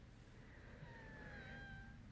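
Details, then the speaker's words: Wheezing from an adult who says they are too scared to use their inhaler because they are healing: a thin, high whining whistle rising and falling for about a second, like a kitten's mew. "oh did you hear that noise that was me wheezing I'm too scared to take my inhaler at the moment"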